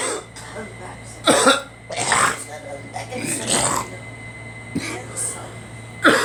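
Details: Two people, one a girl, give several short coughs and clear their throats, with faint music; coughing attributed to allergies.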